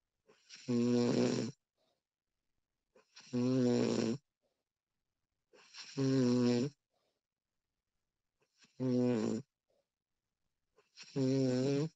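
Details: Recording of a woman snoring during sleep in a quiet room: five loud, rough snores on in-breaths, about 23 per minute, with quiet gaps; ordinary snoring.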